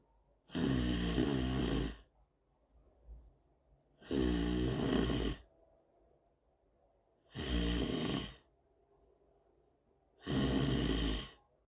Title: Choose your sleeping and snoring pattern.